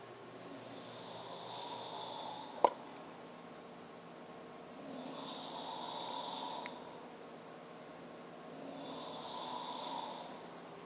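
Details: Loud, rumbling snoring from a man in a hotel room in Brazil around 1 AM, heard and recorded from the hallway, with his watch beeping at the hour change; snoring.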